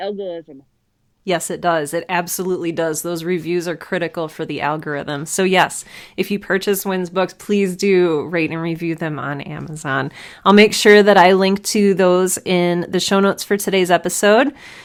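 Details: Adult woman speaking; ordinary speech.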